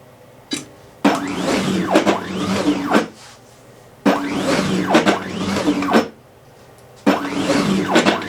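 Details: Repeating mechanical cycles of motor whine and clicks, about 20 a minute, from a homemade piston-pump emergency ventilator prototype with one-way valves and an exhaust solenoid valve; prototype ventilator running.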